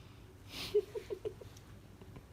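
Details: Newborn girl, 24 hours after birth, birth weight 2994 g: a soft, hissing sneeze, then several short gasping whimpers as she startles at her own sneeze.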